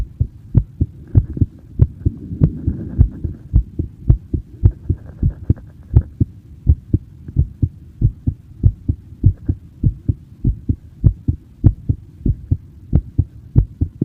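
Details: Recorded in person, a steady, regular heartbeat at about 100 beats per minute, with clear paired thumps and no obvious extra sounds: normal heart sounds.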